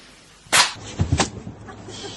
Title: Kucing bersin // Cats that is sneezing